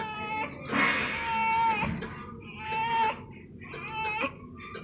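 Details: Newborn at 35 minutes of life with persisting respiratory distress, managed with a T-piece: three short, high-pitched cries with pauses between.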